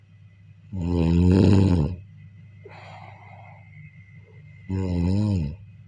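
Two loud, low, rumbling snores on the in-breath with a softer breathy exhale between them, steady hum in the background; ordinary snoring.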